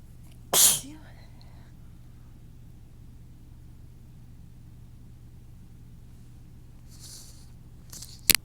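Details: Big build-ups before sneezes: one loud, sharp sneeze, then a quiet pause and a softer hissing burst; adult sneezing while nose is irritated.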